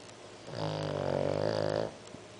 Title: My dog snores louder than my dad